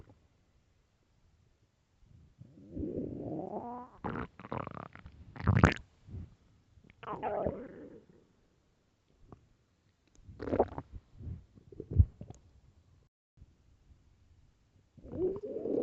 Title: LOUD starving stomach growls! (headphones)